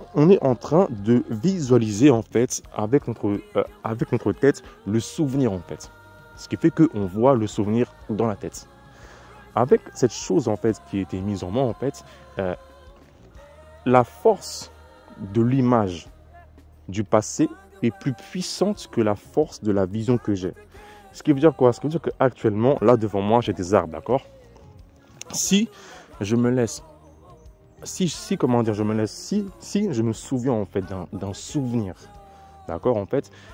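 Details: Adult man speaking French who describes his own stutter as terrible and audible in his voice; he attributes it to sorcery; stuttering.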